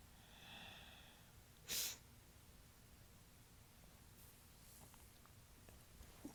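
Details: Person just waking up, the morning after a sizable allergy attack to dust. A faint breathy catch, then a single short, weak sneeze, followed by quiet breathing in a room.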